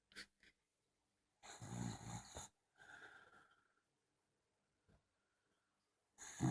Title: Dachshund Snoring, LOUD !! 😊